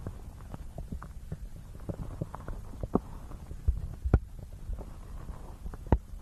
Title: Real Stomach Growling Sounds + 3D Ear Massage for Ultimate Calm